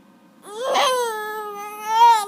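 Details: Infant crying: a single sustained, tonal wail rising toward the end.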